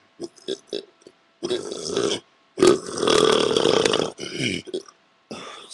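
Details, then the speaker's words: Deliberately produced air burps made by sucking in air and letting it come out, shown as burping instruction: a few short throaty gulps, then several drawn-out voiced belches, the longest over a second. "try to suck in air and then let it come out but suck it back in but don't like push it out to try and burp it should just come out on its own"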